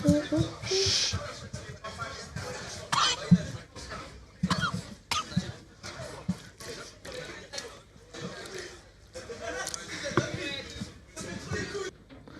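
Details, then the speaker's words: Several short, harsh cough bursts with gagging-like throat noises over background music and room chatter, from a person eating during a live stream; coughing, not vomiting. "Là, il vomit pas juste, il tousse. On entend juste le bruit de quelqu'un qui tousse."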